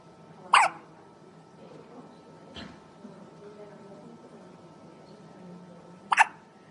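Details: Premature baby, described as nine weeks premature: three brief, sharp hiccup sounds over about seven seconds, with quiet room hum between them; infant hiccups.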